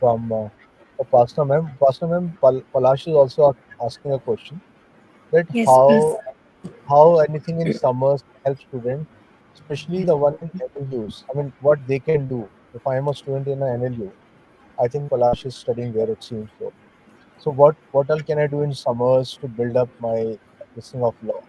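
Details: Adult male speaker; Normal voice.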